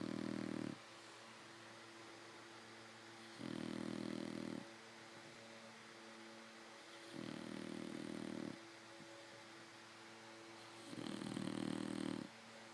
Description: Fannie, my 5 month old English Bulldog, is the best bed buddy, but she loves to snore and sleep with her eyes open!